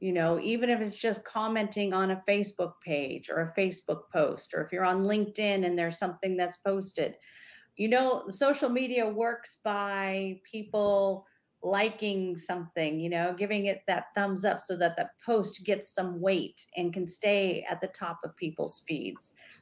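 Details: Adult woman speaking; Normal fluent speech.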